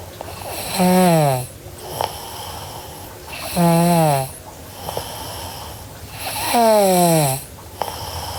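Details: Sleeping girl snoring: loud, voiced, falling-pitch snores about every three seconds, roughly 20 breaths a minute, with quieter exhalations between.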